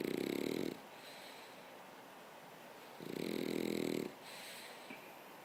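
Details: French bulldog snoring while falling asleep: two loud, buzzing, whistly snores about three seconds apart with softer breaths between.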